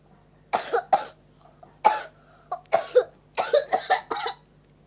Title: Viral batuk terceungir ceungir